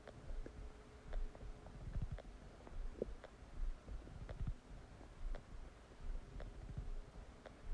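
Low gurgling and rumbling bowel noises come and go against steady room noise; ordinary digestive sounds after a meal.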